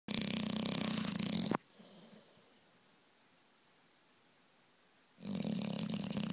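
Two loud, rough, rattling snores separated by a quiet pause, from a sleeping bulldog.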